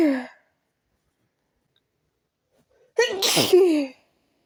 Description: I tried to Induce my sneezes with chhinkni powder..and it ended in a sneezing attack .